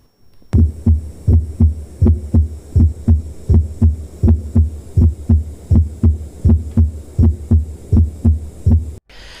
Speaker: this is how the splitting of s1 heart sound is heard now just for the purpose of making it clear i'm trying to create the space between the splitting uh sometime it is so faint and so small that you can't even discern it